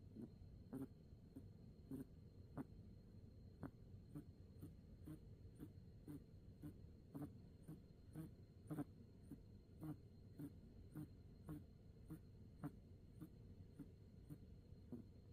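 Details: Baby Maltese puppy snoring in sleep after its first walk: soft, quick rhythmic snores with light snorty clicks, about 110 a minute, over room hum.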